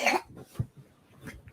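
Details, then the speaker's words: Non-speaking child coughing while yawning: a sharp, harsh cough-like burst, then softer breathy noises; a single stifled cough in a quiet room. "Mary it's okay he's yawning you guys while trying not to trying to cough that's what that noise was my son doesn't speak so whenever he makes any noise I get really happy"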